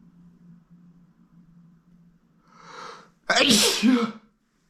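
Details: A sneeze triggered by pink feathers, with allergies: a quiet hum, then a sharp indrawn breath followed by one loud explosive sneeze.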